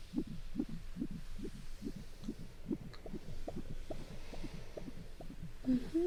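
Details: Abdominal ultrasound with gel and a wand on the stomach: rapid, regular whooshing fetal heartbeat at about 150 a minute; "good measurements, nice heartbeat"; no red flags seen in a patient worried she may be high-risk.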